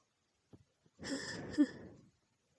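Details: Female with a tickling nose sneezing messily at night: a few soft catching breaths, then one muffled sneeze burst in a quiet room, poor audio quality; ordinary sneeze.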